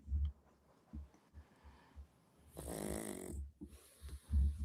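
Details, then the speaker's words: A sleeping dog snores in low, rumbling snores about once a second, with one longer, noisier snorting breath midway: snoring. "snoring. I hear the dog snoring. >> Author text bugnugget the first snoring like crazy."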